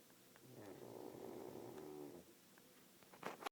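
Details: Pug snoring loudly: one drawn-out, buzzing, purr-like snore on breathing in, followed by a quieter pause.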